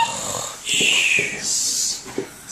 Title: sleeping and snoring